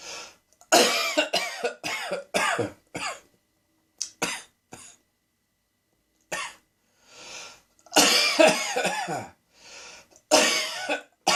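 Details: Adult coughing fit from a throat tickle, suspected due to cat hair: run of harsh, repeated coughs with short gasping breaths between.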